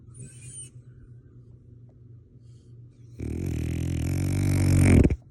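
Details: Loud snoring from a sleeping French bulldog: after a few quiet seconds, a rough, rattling snore rises steadily over about two seconds and stops abruptly.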